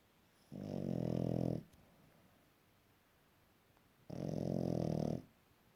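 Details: Boston terrier puppy snoring loudly: two loud, low, rattling snores about three and a half seconds apart, each about a second long on the in-breath; heavy snoring.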